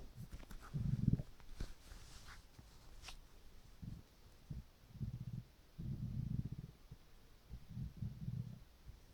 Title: Hungry stomach rumbling with water